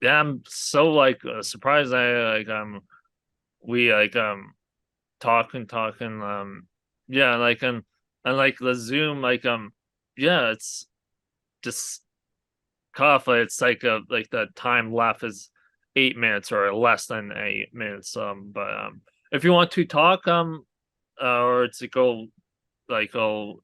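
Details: Aphasia in an adult man after a hemorrhagic stroke from an arteriovenous malformation at age 20, with speech much improved over the past three years.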